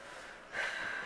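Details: Persistent hiccups that would not go away in an 11-year-old girl: after quiet room noise, a single sudden, sharp, snort-like catch of breath is heard.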